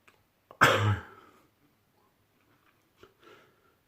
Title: World Loudest Sneezes